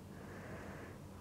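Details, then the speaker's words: Seated adult male patient, stethoscope auscultation over the posterior chest during deep breaths: soft, low rustling airflow; normal vesicular breath sounds, no wheezes or rhonchi. "tadi kita dapat mendengarkan bahwa seluruh area paruh auskultasi nya normal tidak ada suara terdengar suara vesikuler tidak terdengar suara nafas tambahan begitu bising maupun rongke"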